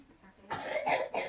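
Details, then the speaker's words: Effective coughing technique taught to a young asthma patient: after drinking warm water and sitting up, she takes five deep breaths, then a firm, deliberate two-burst voluntary cough on the last breath to clear phlegm. "Tarik nafas dalam sebanyak 5 kali. Nanti yang terakhir baru dibatukkan."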